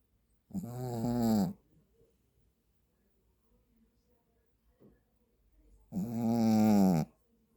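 Two loud, tonal, buzzing snores about five seconds apart from a sleeping dog; ordinary snoring.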